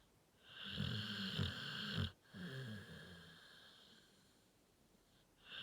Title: Dr. Allan - the bully XL, sleeps and snores